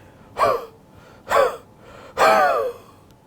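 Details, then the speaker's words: Bronchiectasis airway-clearance demonstration: after ten OPEP breaths, the patient does a huff cough, with two quick forced bursts of exhalation and then a prolonged exhalation, to move secretions up into the larger airways for coughing. "In order for you to do that, I'm gonna have you do two quick, bursts of exhalation, and then you'll do a prolonged exhalation at the end."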